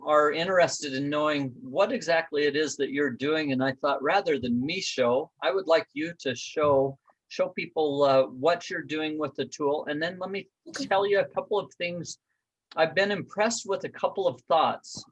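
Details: Adult male speaker; normal voice.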